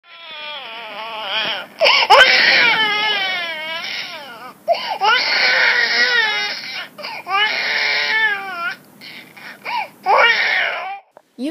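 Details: About 10 seconds of a baby crying in repeated loud, high, wailing bursts separated by short breaths, typical of normal infant crying.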